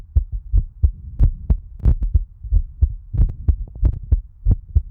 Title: 眼睛感染肿了，今天录心跳就不露脸啦🥺 My Eye Got Infected and Swollen, So No Face Cam for Today's Heartbeat Recording 🥺